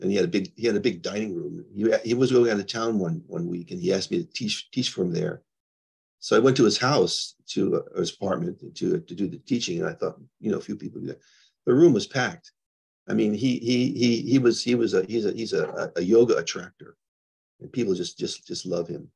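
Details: Man diagnosed with Parkinson's disease 21 years ago, now progressing, who reports mild stuttering, losing words, anxiety, depression, memory problems and poor balance; neurogenic stuttering.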